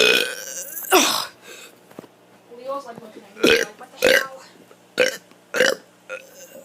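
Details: Child doing deliberate, voluntary burps, complaining of stomach and rib pain: about six loud burps in a row with some voice in between.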